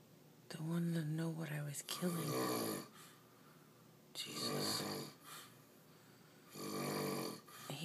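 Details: Loud rasping snoring from an adult man asleep in bed: three long inhaled snores with quiet pauses between, in a quiet room, although he says he doesn't snore.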